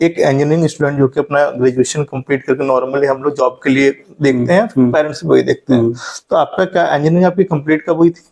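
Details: Adult male speaker; normal fluent speech.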